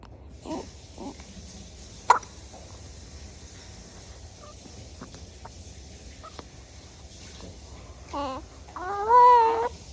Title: Baby has the hiccups.